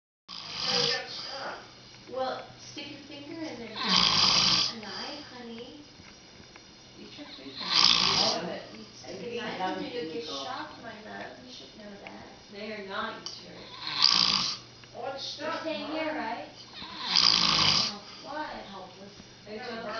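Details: A man snoring: loud, harsh snores about every three to four seconds, roughly four in twenty seconds, with noisy breathing between them.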